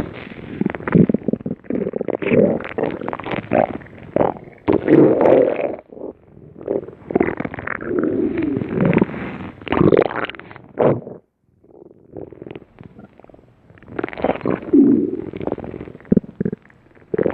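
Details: Loud, continuous gurgling and bubbling rumbles with brief pauses; stomach growling, normal gut sounds.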